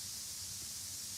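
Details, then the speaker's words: Steady, even hiss weighted toward the high end, with no rhythm or voices: a broadband tinnitus masker noise at its default setting in both ears, before tuning it to match a phantom tinnitus sound. "Our goal is to modify the acoustic sound you are now hearing, to match your individual, phantom tinnitus sound."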